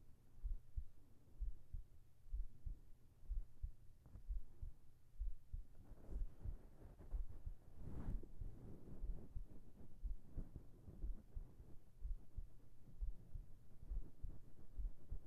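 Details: ASMR heart sounds for sleeping, recorded with a whispered voice: steady, soft low thumps at about 62 beats a minute with faint background hum, a normal heartbeat.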